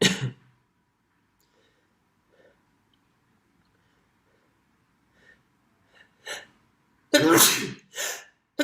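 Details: Repeated sneezing: one sneeze, small sniffing sounds, then a loud sneeze quickly followed by another.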